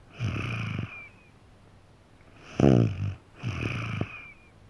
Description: Snoring of, my 3 and a half year old son. This sound is easy to loop.